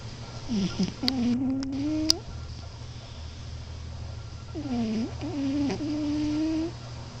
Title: Alex (Moo) cat snoring!